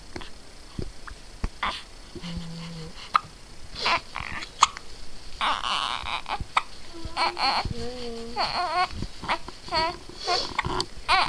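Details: Abrupt short infant hiccups amid a baby's babbling and laughing, with room noise.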